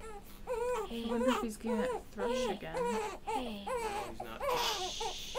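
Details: An infant on day 96 in the NICU cries during burping, with rhythmic, wavering wails about twice a second and an adult voice faintly in the room. Infant crying.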